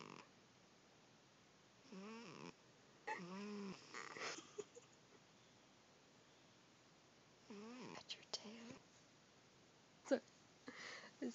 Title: Cute Kitty snoring